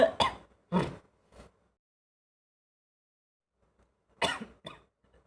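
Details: Harsh coughing in two short clusters of about five bursts in all, separated by silence, while trying to smoke tobacco (ngabako).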